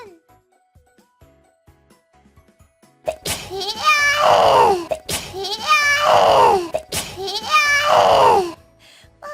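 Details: Three loud, voiced sneezes in quick succession after quiet speech from a female VTuber on a stream, music in background; sneezing.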